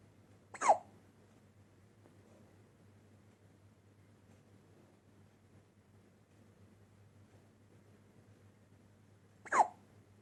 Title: سکسکه نوزاد Baby hiccups